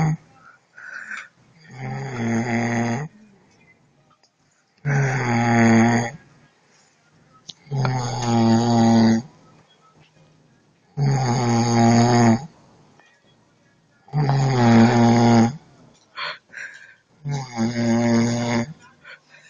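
Loud, rough, buzzing snores on each breath in, about 19 a minute and fairly regular, with quiet breathing out between them.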